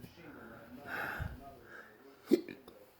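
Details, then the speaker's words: Persistent intractable hiccups since December 2015, every one to three seconds: quiet breathing and faint voice, then a sudden sharp gulping catch of breath with small follow-on clicks. "oh yeah well you're hiccupping every three seconds and you just want out of your body stop"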